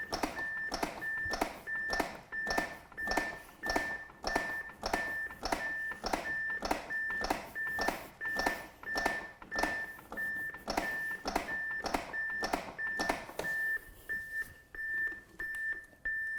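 Regular metronome beeps at about 100 a minute over a steady tone from a training defibrillator, pacing chest compressions during the CPR period.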